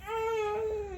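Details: A baby's loud, sustained, wailing protest cry in a small room, angry at the mother for using a laptop instead of picking the baby up.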